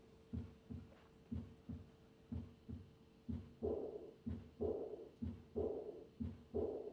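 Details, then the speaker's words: Aortic regurgitation: three normal beats at about 60 a minute, then a high-pitched blowing diastolic murmur fading after each beat, classically heard at the third or fourth left intercostal space. "the classic murmur of aortic regurgitation is a diastolic a crescendo murmur usually heard in the third or fourth left intercostal space. This murmur has a high pitched character."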